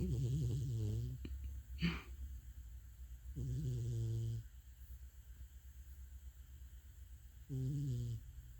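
Long, low, vibrating snores with a wavering pitch alternate with quieter breaths, roughly every three to four seconds. Snoring.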